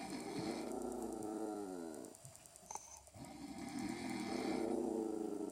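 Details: Loud, rough snoring from a sleeping adult man, with his pet dog growling low because she hates the snoring; a brief quiet gap in the middle.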